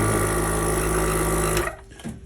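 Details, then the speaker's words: Portable suction machine for children, running while its negative pressure is adjusted, with kinked tubing noted; very noisy but suctions well: a loud steady motor hum and rattle, then it stops. "These machines are very noisy, but they suction pretty well."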